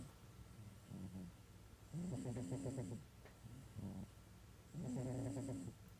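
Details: Rhythmic, rattling snores on each breath in, with softer sounds on the breath out, at about 21 breaths a minute, from a fat cat catnapping: snoring.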